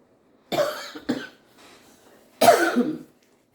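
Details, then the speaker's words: Adult with asthma whose cough lingers for days and sometimes needs steroids, though feeling better now: three hoarse, throat-clearing coughs, two close together then one after a pause. "ਮੈ ਪਰ ਵੀ ਕਿ ਖਾਂਸੀ ਜਿਹੜੀ ਲੱਗ ਜਾਂਦੀ ਹ ਫਿਰ ਕਿਕਸਤਮਾ ਦਾ ਮਸਲਾ ਹ ਨਾ ਉਹਖਾ ਸੇ ਦਿਨ ਚਲਦੀ ਹ ਮੇਰੀ ਜਲਦੀ ਠੀਕ ਨਹੀਂ ਹੁੰਦੀ"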